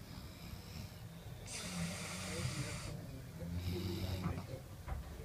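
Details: Snoring recorded in a hotel room: rough, low rattling snores on the in-breath with hissy airflow against faint room noise; ordinary snoring.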